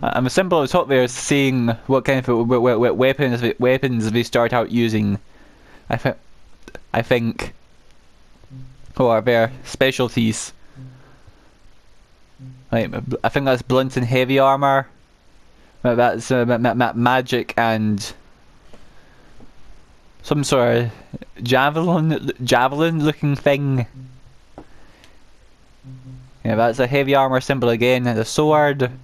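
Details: Adult male gameplay narrator who says he stammers, especially on words starting with m and w; word and part-word repetitions audible; stuttering.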